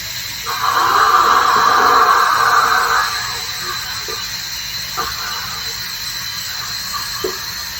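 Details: Dental hygienist performing ultrasonic scaling to remove tartar and plaque: steady high hiss and whine from the scaler, then quieter clicks and suction-like noise.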